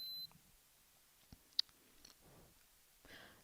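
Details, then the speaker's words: Welch Allyn Pro6000 tympanic ear thermometer with probe cover, used with a Connex vital signs spot monitor in a demonstration: a short high electronic beep followed by faint clicks as it takes the ear temperature reading, in a quiet room. "attach a probe cover to the tip of the thermometer and take the patient's temperature from the ear"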